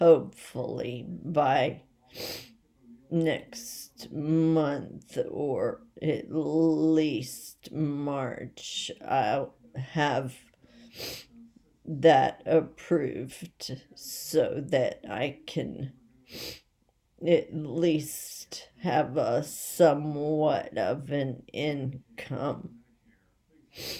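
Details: Essential voice tremor in an adult woman whose essential tremor came on overnight and is progressing rapidly, affecting her head and voice most, with leg and hand weakness; she is awaiting movement disorder specialists.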